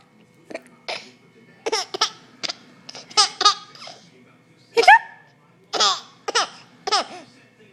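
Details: A baby boy laughing in short bursts, broken by sharp, abrupt hiccup catches; an adult voice faintly in the background.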